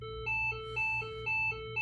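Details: LIFEPAK CR2 AED trainer in adult mode during a fire department in-service training: an alternating two-tone electronic warning as a shock is prepared after rhythm analysis and an "everyone clear" prompt, followed by shock delivery.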